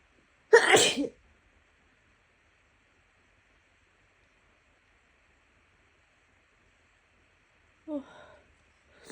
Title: coming down with a cold sneezes 🤲🏽 [F] - messy, wet, let out, soupy sniffles and a nose blow.